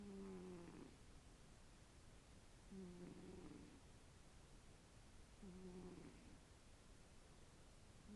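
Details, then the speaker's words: Pet cat Tiki snoring loudly while asleep, recorded on an iPhone: snoring. "You snore really loud, honey. You do."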